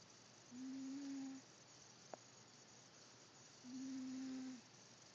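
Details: Wheezing from narrowed airways: two low, steady musical tones about a second long with breathing.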